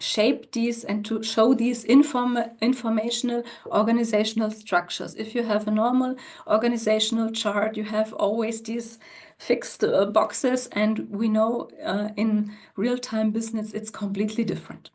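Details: Adult woman speaking; normal voice.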